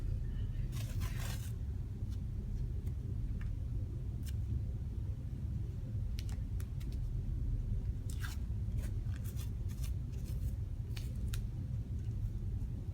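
Short crackling, tearing bursts over low room rumble: adhesive tape being peeled off during a sterile dressing change.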